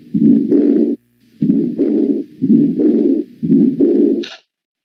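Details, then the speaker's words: Severe aortic regurgitation heard at the aortic area: repeating paired whooshing sounds with each heartbeat, a systolic flow murmur from large ejected volume alongside the diastolic regurgitant murmur. "Cuando el volumen regurgitado es muy importante, el ventrículo izquierdo tiene que expulsar una mayor cantidad de sangre y se produce entonces en las sístoles un soplo."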